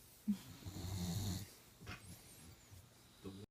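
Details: Female boxer puppy snoring with eyes wide open: a low rumbling snore on one breath, then softer snuffling breathing.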